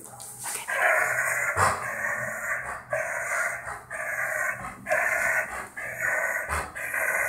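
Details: Dog with noisy upper airway stridor, at increased risk of heat stroke in summer: loud, harsh breathing with a rasping noise on each rapid breath.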